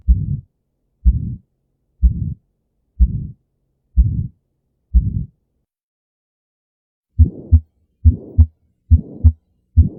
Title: 4 Abnormal Heart Sounds: Systolic Murmurs Explained #heartsounds #heartvalves